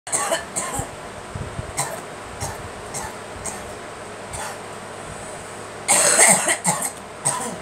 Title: Girl coughing